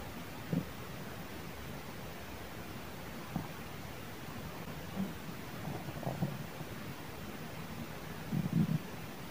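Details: Stomach growling at midnight, recorded without a microphone: brief low gurgling rumbles coming and going over steady hiss, the longest near the end.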